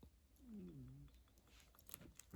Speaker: That's my stomach. I gotta eat something. If you could even hear that. I don't know if y'all can hear that. My stomach growling.